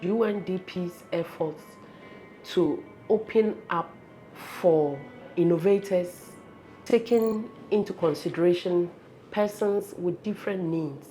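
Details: Adult woman speaking; Normal speech.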